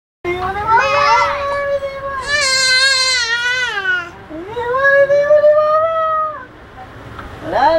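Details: 8-month-old baby boy cries when his mother jokingly leaves the room; parent thinks he developed separation anxiety around 7–8 months. Loud wailing cry in rising and falling bursts; infant crying.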